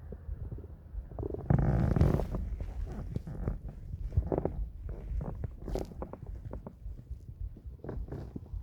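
Low gurgling and rumbling from the abdomen with irregular bubbling clicks; ordinary stomach growling.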